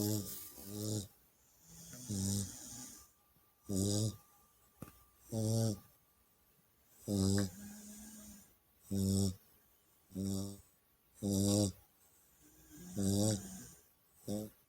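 Loud, rhythmic, rattling snores on each breath, about nine in fifteen seconds, with quieter breathing between: a puppy snoring.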